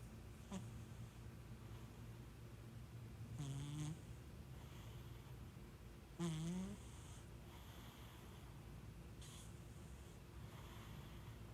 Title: Snoring Cat Like a Human